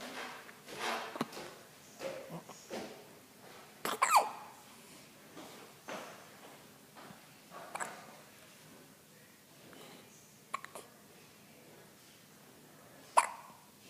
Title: Pippi has the Hiccups and is All Wrapped Up